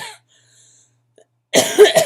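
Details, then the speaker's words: Coughs from a person with chronic illnesses who has acute bronchitis with asthma complications and is on prednisone, with body aches, coughing while talking. "you can hear my voice, you can hear my coughs, and my body feels like it's been beat with a baseball bat"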